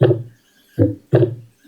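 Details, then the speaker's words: Auscultation example of normal, symmetrical heart sounds: low, even thumps in a regular lub-dub rhythm, about 60 a minute, with no added sounds or murmur between beats. "los [Música] pitos y los latidos del corazón. Vamos a ver los latidos normales."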